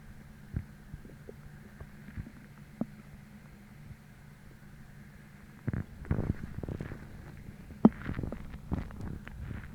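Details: Stomach growling (borborygmi) in the morning, about twenty minutes after a sudden hollow, empty hunger feeling, despite being bloated from a heavy dinner the night before: quiet gurgles and low belly rumbles, growing busier toward the end.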